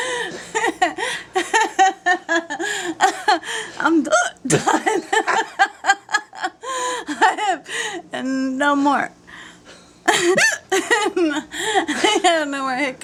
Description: my girlfriend gets the hiccups and I try to assisst.................kind of